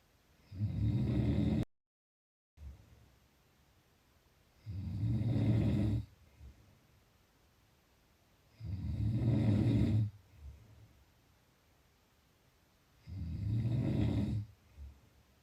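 Deep, rumbling snores at a steady pace of about 14 a minute, each followed by a short quiet breath out.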